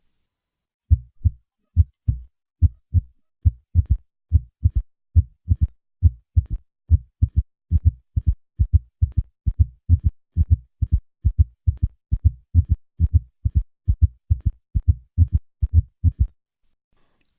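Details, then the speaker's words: Quadruple rhythm at heart rate below 90 bpm: three normal beats, then a third heart sound added in early diastolic filling, then a fourth heart sound coinciding with atrial contraction; S3 and S4 gallop. "occasion a patient may have both a third heart sound and a fourth heart sound at heart rates below 90 beats per minute there can be a quadruple rhythm"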